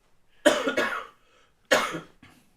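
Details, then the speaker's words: Adult with a tickly, irritating cough of about two weeks ("frog in my throat"): a quick double cough, then a third after a short pause, each harsh and throaty, in a quiet room. "sorry I've got frog in my throat this tickly cough has been around for about last two weeks and I just can't shift it which is very irritating"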